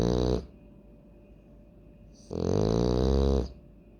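Loud, low, rattling snores roughly two seconds apart with quiet gaps between; heavy snoring in a sleeping flat-faced dog.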